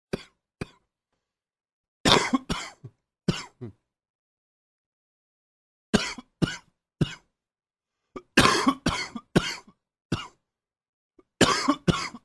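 Repeated short coughs in several bouts, roughly twenty in all, in an adult with a cold.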